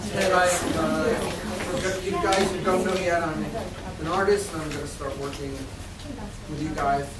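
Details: Adult speaker addressing an audience; normal speech.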